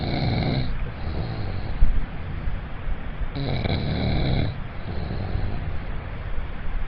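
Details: Loud, deep rattling snores from a man on inhaled breaths, about two in seven seconds, with quieter breathing between; heavy snoring.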